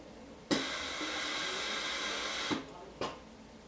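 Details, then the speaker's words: Hamilton C6 ventilator pre-operational circuit tightness test: patient end blocked by gloved hand or dust cover, steady two-second hiss as circuit pressurizes to check for leaks, then quieter bursts. "you'll hearing that in the ventilator runbook the pressure within the circus it's looking for a leak anywhere along"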